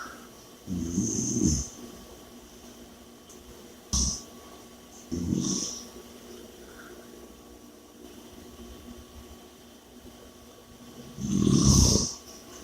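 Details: Low, rattling snores on each in-breath, four or five breaths over twelve seconds, with heavy breathing between them in a quiet room; snoring.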